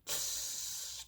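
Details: Demonstration of a lateral lisp on the s sound, air escaping over the back of the tongue and out both sides rather than over the front; lateral lisp.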